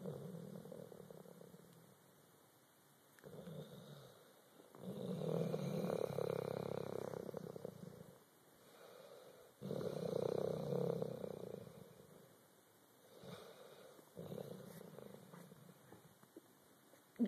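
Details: Snoring during sleep, recorded on an Android phone: slow, rhythmic rumbling breaths with a purring, fluttering quality, rising and falling over about 4-second cycles.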